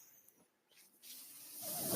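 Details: Mechanical ventilator sound of a ventilator-dependent speaker recording a podcast: a soft airflow hiss builds and grows louder in a quiet room as the ventilator delivers a breath.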